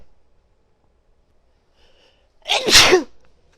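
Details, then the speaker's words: Adult female sneezing repeatedly and desperately: one loud, forceful sneeze after a brief, quiet intake of breath; sneeze. "Oh, I gotta sneeze again. Wow. Oh my god, I can't tell you how good this feels."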